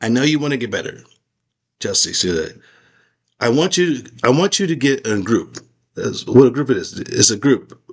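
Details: Adult man with aphasia after a stroke; post-stroke aphasia.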